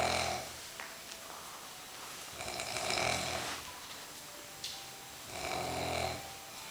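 Soft, rough snoring breaths rising and falling about every two to three seconds over steady room hiss. Quiet snoring.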